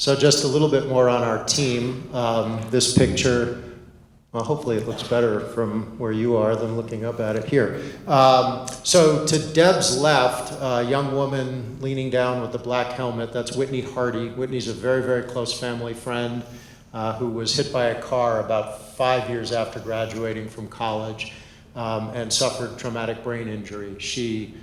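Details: Adult man; normal speech.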